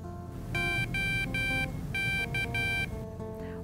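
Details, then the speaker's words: Six bright electronic beeps from a CADD Solis infusion pump for home TPN, switched on after battery replacement; self-test passed and pump started normally, no alarm. "This pump will go through a self test mode and you will hear six audible beeps."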